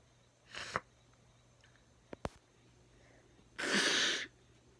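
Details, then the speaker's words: Sneezes while trying not to sneeze, after a finger-on-nose trick failed: a short breath in and a sharp burst, then a second, longer, big explosive sneeze in a quiet room; two sneezes. "Okay, one more try. Oh my god. Jeez, that was a big one."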